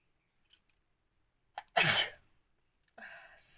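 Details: A single forceful sneeze after a few short indrawn breaths, then a breathy exhale, from a woman doing a sneezing challenge with pepper, no handkerchief; ordinary sneeze.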